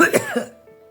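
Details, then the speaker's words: A brief throaty cough, close to a throat clear, from an adult woman who says she has a cold and has lost her voice, with soft background music. "ma voix et j'ai été très émue, même si je suis enrhumée, je n'arrivais pas à parler."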